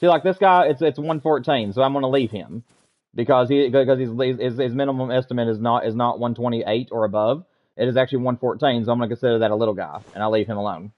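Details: Adult male with self-reported stuttering, attributed to wanting to talk faster than he thinks and getting stuck in sentences; worse with little sleep, and he slept poorly the night before; stuttering.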